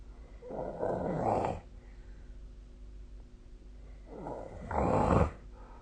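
Two rough, rattling snores on breathing in, about three seconds apart, over steady room hum.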